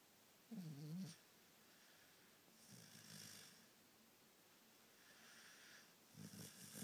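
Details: Dog snoozing on a sofa: three rumbling snores, each a low vibrating sound on the breath in, separated by quiet breaths out; dog snoring.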